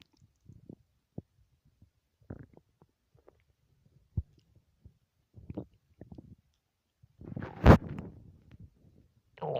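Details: Hunger stomach growling after not eating for 3 whole days: scattered low gurgles and rumbles building to a louder drawn-out growl near the end.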